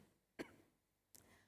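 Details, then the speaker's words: An adult preacher gives two brief, sharp cough-like bursts, close to throat clearing, during a sermon, with quiet room noise between them; the preacher apologizes for coughing. "saya minta maaf ya saudara-saudara kalau saya agak batuk-batuk ya"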